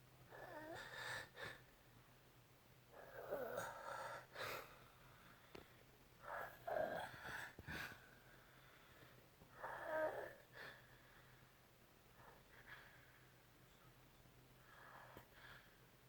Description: OMG how can you sleep with this happening right beside you all night. And trust me this is a mild case! Its usually much louder! 😭😭😭😭